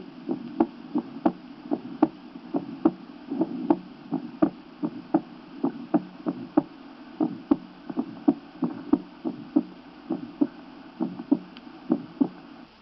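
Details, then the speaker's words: Five-year-old breathing child with sinus arrhythmia, recorded at the lower sternum: a clearly split first heart sound, a short soft innocent systolic murmur and breathing-related rhythm variation; split first heart sound. "y split first heart sound recorded at the lowest turnum in a five-year-old child the child is breathing and the sinus arrhythmia is present you will hear the two components of the first sound a short soft innocent systolic murmur and anomalous bit second heart sound attention should be focused on the first heart sound"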